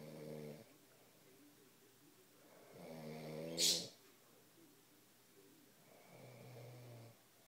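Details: A father snoring loudly while asleep: rumbling snores on breathing in, about every three seconds, one ending in a sharp snort.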